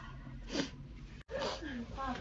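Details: Two abrupt, wet, explosive sneezes through the nose and mouth in a quiet room from a young Chinese woman with a runny nose. She says her rhinitis keeps worsening but is unsure whether it is rhinitis or a cold.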